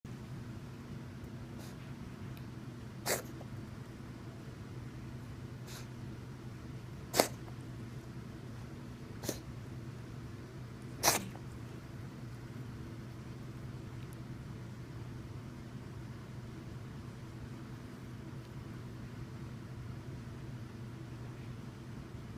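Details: Cat's cough, which may or may not be feline asthma: four brief, sharp cough-like bursts over about twenty seconds against a quiet room hum.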